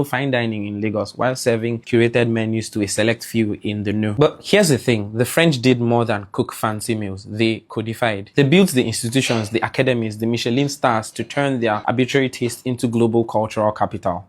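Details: Adult man; normal speech.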